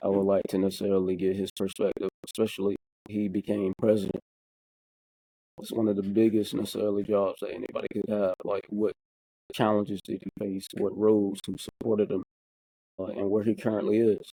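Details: Adult who stutters, speaking conversationally as co-host of a podcast about living with stuttering; stuttering.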